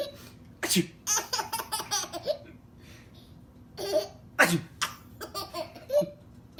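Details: Adult sneezing: two forceful sneezes, each followed by bursts of a baby's laughter.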